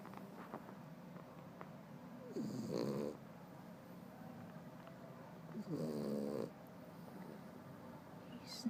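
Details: French Bulldog napping after his first run: loud snoring with a rattling, whistling quality on two long breaths.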